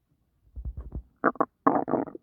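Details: Stomach growling in a woman 5 months pregnant, uncomfortable while doing housework: several short gurgling bursts and low rumbles from gas and fluid moving through the gut.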